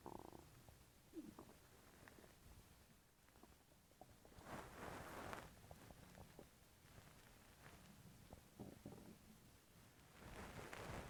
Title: my stomach non-stop making noises for over 5 mins